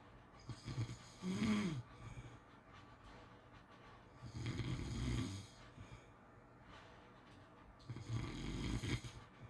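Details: Snoring during sleep: rough, rattling snores on each breath in, about 16 breaths a minute, with quiet exhalations between.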